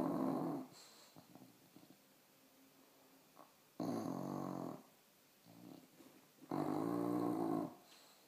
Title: Bailey snoring